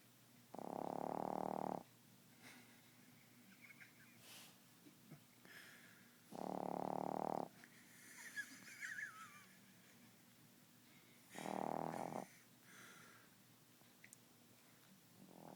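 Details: 3-month-old pet snoring like a grown man while asleep: three strong buzzing snores about every five seconds, roughly 12 a minute, with faint squeaks between.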